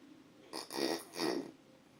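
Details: Two loud, rough, rattling snores in quick succession from a man who describes himself as a very heavy snorer.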